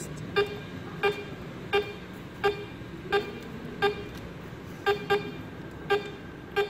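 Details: Vetsens-MP1 veterinary monitor with an SpO2 probe: short tonal beeps about 87 a minute, slightly irregular, the pulse oximeter beeping each detected pulse.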